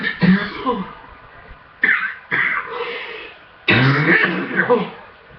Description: so i have a full chest and hard coughing i guess so far this year is cough mania for me